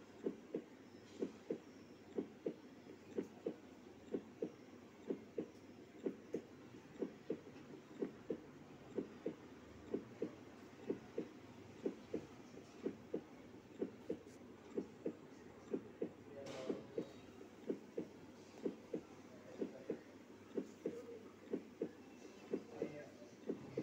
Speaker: You can hear and count the sounds of human heartbeat by keeping a full volume from your smartphone.